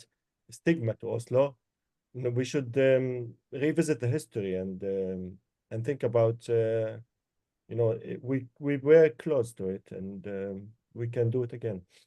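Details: Adult male speaker; normal voice.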